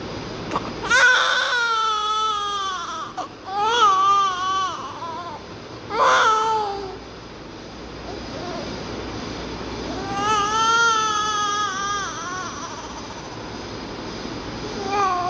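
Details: Newborn baby girl just after birth during oxygen process: several loud, high-pitched wailing cries with pauses between them over steady background hiss; newborn cry.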